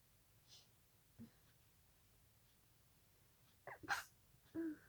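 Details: Several quiet, stifled sneezes at night from a nose itch, short muffled bursts with faint breaths before them in a silent room; a suppressed sneezing fit.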